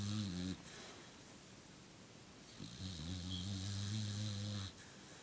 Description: My dog snoop having a nap and heavily snoring and Twiching he does it all the time